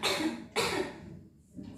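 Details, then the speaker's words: Two strong cough bursts in quick succession, then quiet: a female patient's effective cough to expel sputum after chest physiotherapy in a nursing skills-lab simulation, instructed to cough gently twice and then hard. "Yang pertama dan kedua batuknya pelan-pelan saja. Yang ketiga batuknya yang keras untuk mengeluarkan dahaknya."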